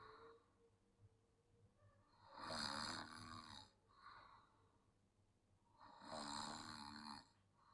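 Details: Sleeping child snoring: two loud, rattling snores about four seconds apart, with quiet breathing between them; snoring.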